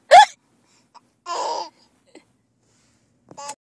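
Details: 9-month-old baby boy hiccuping and giggling: a sharp, high hiccup, a brief giggle-like babble, then two more short catches; hiccups.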